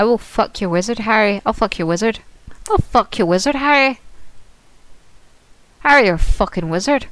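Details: Woman with Tourette syndrome producing involuntary complex vocal tics, including repeated swearing: complex vocal tics with coprolalia (Tourette syndrome)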